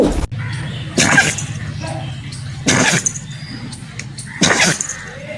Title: The dog can’t stop sneezing 😂#funny #funnyvideo #funnymoment #dog #funnydog #fypシ゚viral #omg #haha